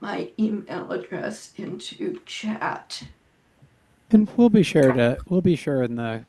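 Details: Adult woman with spasmodic dysphonia, which she says causes her voice to sound this way; severity varies from day to day, and she reports this is not a particularly good day; spasmodic dysphonia.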